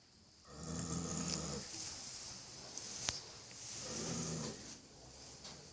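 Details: Sleeping foal (baby horse): two long, rumbling snoring breaths with a faint hiss and light background noise; snoring.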